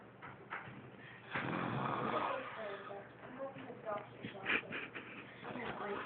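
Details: Adult woman (mother) asleep who always snores very loudly: a loud, rough, rattling snore rising and fading amid quieter murmuring room sounds.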